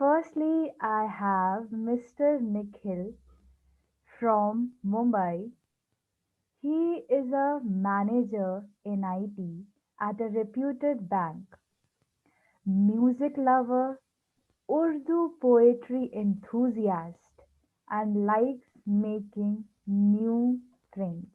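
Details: Speech of a person who stammers, hosting a series on people who stammer; stuttering.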